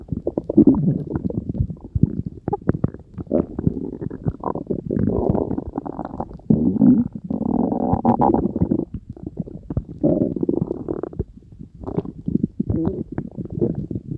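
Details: Long, bubbling, gurgling growls from the belly, one after another, with rumbling stretches between; ordinary stomach growling (borborygmi).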